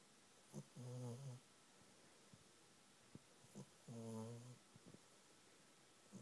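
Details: Gentle snoring from a pet asleep on its owner's knee: soft, low snores on each breath, about 20 a minute, with small snorts in between.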